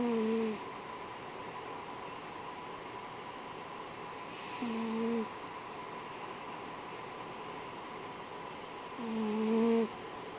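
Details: Sleeping pet cat: soft, regular snores, about 13 a minute, each a brief low buzzing tone on the breath, over steady room hiss; snoring.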